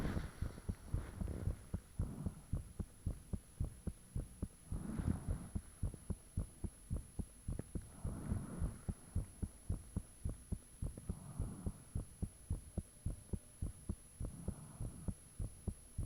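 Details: Self-recorded heartbeat with fan off, taken shortly after the heart began feeling unusually thumpy: strong, fast thumping beats around 100 a minute with whooshing noise between beats; valve and blood-rushing sounds reportedly audible.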